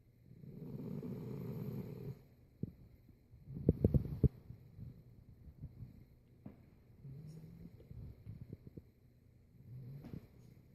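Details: Low rumbling snore on the in-breath, with quieter snuffling and a few clicks and thumps in a quiet room; snoring.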